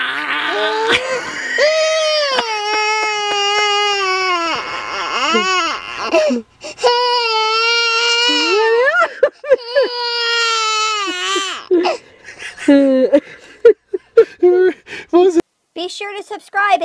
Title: Making my poor baby cry.